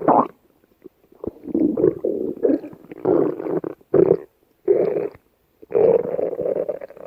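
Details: Stomach growling: low, bubbling, gurgling rumbles in irregular bursts with brief quiet gaps, i.e. borborygmi.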